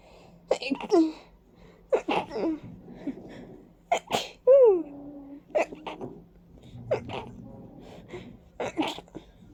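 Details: Series of loud, wet, congested sneezes with voiced lead-in gasps and sniffing between, from a person reacting to ragweed and dust (allergic rhinitis) with a stuffy, runny nose and watering eyes.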